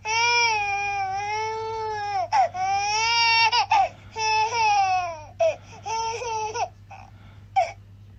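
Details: High-pitched, sustained wailing cries in long bursts, breaking into shorter sobs toward the end; infant crying from a sound-effect recording.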